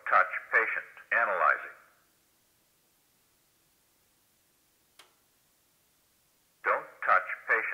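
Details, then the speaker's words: ZOLL AED Plus demonstration with adult pads on a simulator set to an unshockable rhythm: recorded voice prompts with a long silence and faint click, "analyzing, no shock advised, start CPR"; AED voice prompts. "analyzing no shock advised start CPR half of all rescues with an AED start with no shock advised perform good CPR with chest compressions that are at least 2 in deep at a rate of 100 compressions per minute and the next analysis may tell you to deliver a shock"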